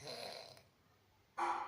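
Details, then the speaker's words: A husband snoring loudly at night while asleep. "మీరు ఎవరైనా ఈ సౌండ్ ఎక్స్పీరియన్స్ చేశారా మీ ఇంట్లో ఎవరైనా ఉన్నారా చూడండి మా వారైతే స్నోరింగ్ చేస్తున్నారు."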